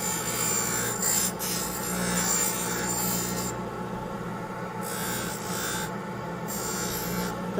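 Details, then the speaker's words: Steady rasping grind of acrylic against a spinning aluminum oxide wheel on a lathe, with background music; bulk trimming of a Hawley orthodontic appliance with anterior finger springs for diastema closure. "and so then I have an aluminum oxide wheel and I use that for uh a lot of the ouch I use that for the bulk trimming [Music]"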